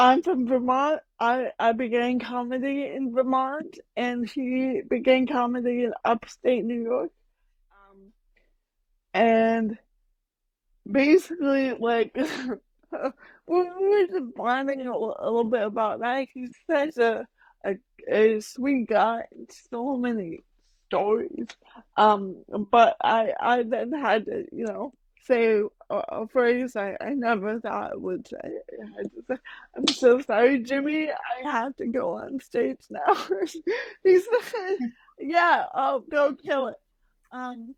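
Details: Adult woman with mild cerebral palsy, which she says mainly affects her speech and motor skills, speaking in a real podcast interview; dysarthria (cerebral palsy).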